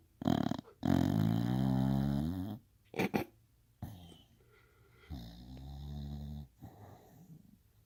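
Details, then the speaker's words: Sleeping female bulldog snoring "like a man": loud, deep, rattling snores, some long and drawn out, with short snorts between them. "Little girl snores like a baby. Holy crap, I don't think I snore that loud."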